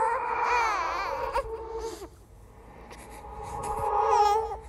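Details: Simulated "ghost baby" horror sound effect: wavering, drawn-out infant wails with a whimpering break over a faint eerie background; infant cry.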